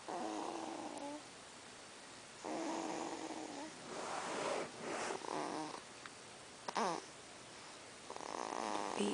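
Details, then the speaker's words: A 3-month-old baby girl snoring loudly at night, smiling while snoring, with repeated rough, buzzing breaths, about five snore sounds in nine seconds. "baby is snoring loud. RJ, stop snoring, I can't sleep."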